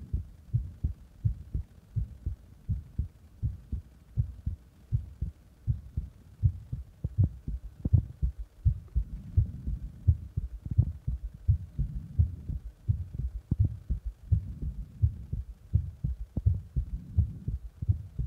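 Regular low thumping heartbeat at about 85 beats a minute, soft and muffled; a heartbeat.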